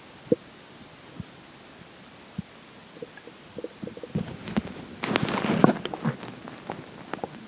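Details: Stomach recorded during digestion, in the section where water and air take major effect: scattered soft pops building into a longer rumbling gurgle over quiet hiss; borborygmi.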